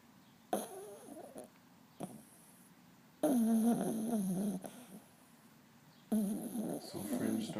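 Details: Snoring from a little one that makes a racket: vibrating, snorting breaths in bursts with quiet gaps between them.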